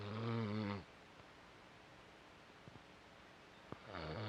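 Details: A rough, buzzing snoring breath at the start and again at the end, with a quiet pause between: snoring.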